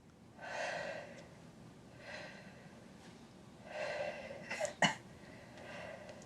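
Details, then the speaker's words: GP examination with a stethoscope on the patient's back as she breathes in and out through the mouth: slow, deep, soft, even breaths with no wheeze or crackles; chest clear, normal breath sounds. "yeah chess is clear as a bow"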